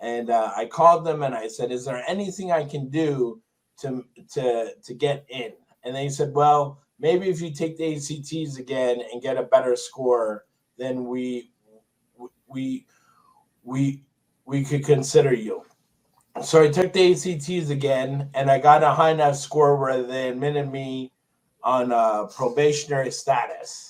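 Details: Adult man with Tourette syndrome who developed a significant acquired stutter after a toxic brain injury in 2000; stuttering.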